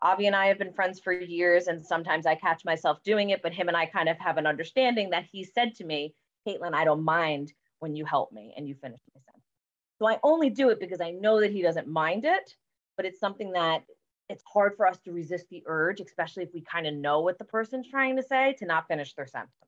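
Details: Adult woman speaking; normal speech.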